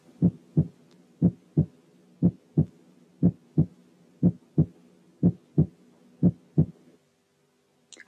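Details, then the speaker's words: Normal heart sounds at a rate of 60 a minute: regular paired sounds, the first sound lower in pitch and longer than the second. "اسمعوا تاني النورمال هارت ساوند على ريت 60، وركزوا مش على المسافات لكن على الكواليتي بتاع كل واحد من الهارت ساوند."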